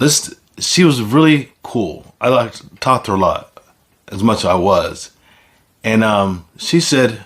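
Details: Man who reports having aphasia; aphasia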